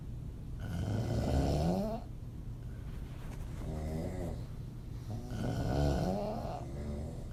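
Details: Adult female snoring with open mouth, audio only: loud, rough, rattling snores on each in-breath, about 13 breaths a minute, with softer buzzing on the out-breath, in a quiet room.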